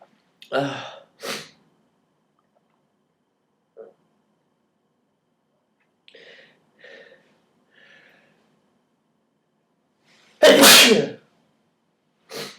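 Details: Several sharp sneezes with quiet breaths and small catches between, then one loud sneeze and another starting, recorded January 31st on what the person calls an off day; they usually sneeze more when pulling nose hairs.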